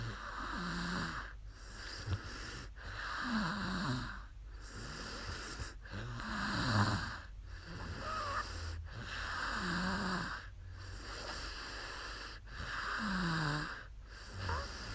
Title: 2019/4/2 ツイキャス お姉さん いびき/sleep stream snoring girl